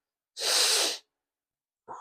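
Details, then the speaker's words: Sick person with a stuffed nose, mid-workout, sneezing through the mouth to avoid snot: one sharp, hissing sneeze followed by a brief sniff. "if I, a lot of times when I'm sick like this, I have to sneeze through my mouth. If I sneeze through my nose, then snot just goes everywhere."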